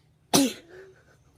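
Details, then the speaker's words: One short, sharp explosive sneeze in a quiet room, during a sneeze challenge after attempts to provoke sneezing, including with cat fur. "Oh, I just sneezed. Peace. I sneezed."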